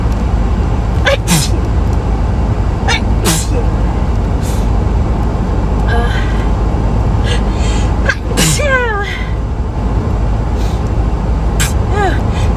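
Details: several quick sneezes in a row over loud, steady engine or road noise, from a person having a very sneezy day; many sneezes within two minutes.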